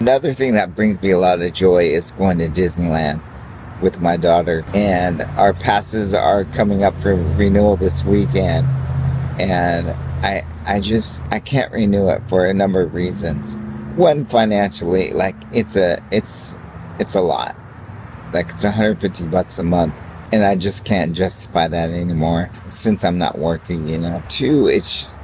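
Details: Adult with ALS (amyotrophic lateral sclerosis) who has stopped medication and is on a vitamin and supplement regimen; extreme fatigue, walks with a cane, and has a hard time talking that day; dysarthria (ALS).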